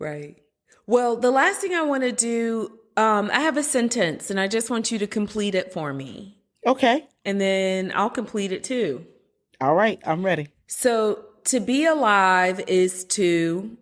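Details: Adult woman speaking, with a brief reply from a second adult; normal speech.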